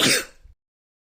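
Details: Staged role-play of reading a magical book that curses the reader with sneezes: a single sharp, hissy burst of air that fades quickly; one sneeze.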